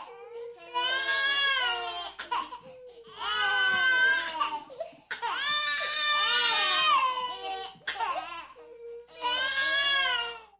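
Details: Several babies crying at once, possibly recorded in an orphanage: loud, sustained wailing and screaming with brief gasping breaths between. Distressed infant crying.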